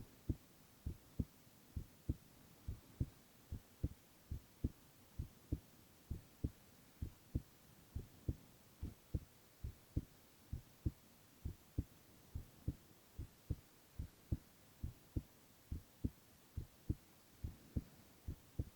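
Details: Silent ASMR recording of a male's continuous heart sounds: steady paired lub-dub beats at about 65 a minute over soft background hiss; regular heartbeat.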